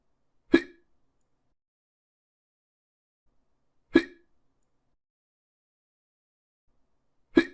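Three short, sharp gulping hics in silence, evenly spaced about 3.5 seconds apart, roughly 18 a minute: hiccups.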